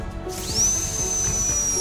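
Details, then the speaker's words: High-speed dental drill spinning up to a sustained shrill whine: a straight bur held parallel to the crown deepens the endodontic access cavity in a central incisor toward deroofing the pulp chamber. "Now we have to change our bur from round bur to a straight bur."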